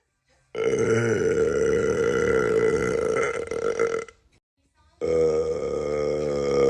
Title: Releasing Hot Burps Compilation